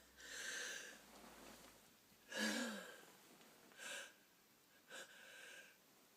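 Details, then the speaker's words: Adult lying in bed in the dark early morning with a persistent nose tickle, having a sneezing fit: breathy, hissing inhalations and several short, explosive, muffled sneezes; the throat feels hot from all the sneezing. "Don't know what makes my nose tickling so bad. [Music] Oh, don't seem like it stops. Oh, my my throat gets hot of all the sneezing."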